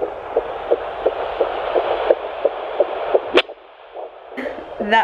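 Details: Fetal heartbeat at 10 weeks of an ICSI/IVF pregnancy on a home Doppler, found near the middle of the abdomen: rapid, regular whooshing at roughly 170 beats a minute, then handling noise.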